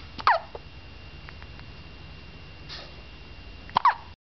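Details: Hiccups after eating: two sharp, brief hiccup sounds about three and a half seconds apart, with faint background hiss between.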